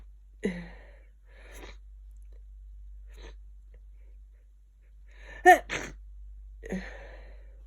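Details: Person with a bad cold and very blocked nose, bedridden two days: sniffs followed by a sharp, explosive sneeze and a smaller one after it in a quiet room.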